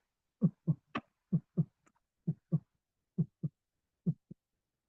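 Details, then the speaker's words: Heart sounds at about 66 a minute with an extra low beat just after S2, an S3 gallop, which can indicate heart failure though it may occur in a normal patient. "الاس 3 يا شباب بسمعه خبطه بعد اس 2"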